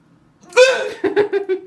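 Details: Hiccups: a single voiced burst followed by a run of short, sharp catches, fitting a sneeze with hiccup-like spasms afterward.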